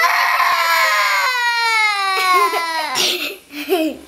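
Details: Infant crying: a loud, sustained wail with a steady pitch that breaks into shorter sobbing cries; ordinary infant crying.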